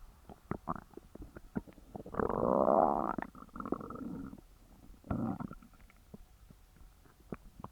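Loud gurgling rumbles with bubbling clicks and a long growl; active bowel sounds after a heavy meal.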